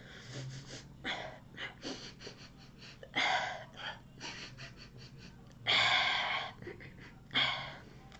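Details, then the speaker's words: Person with Tourette syndrome whose tics are elevated lately during grief: rapid, irregular bursts of forceful gasping and hissing breaths without speech, respiratory tics. "I'm sorry um my ticks have been a little elevated lately"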